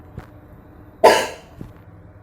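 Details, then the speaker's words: Nursing demonstration of deep breathing and effective cough: after two deep breaths, the person inhales, holds the breath and gives one sharp, forceful cough to bring up phlegm into a sputum pot; acted, not a patient. "Nah berikut ini adalah cara untuk melakukan nafas dalam2 kali yang ketiga adalah inspirasi kemudian tahan dan batuk kan dengan kuat"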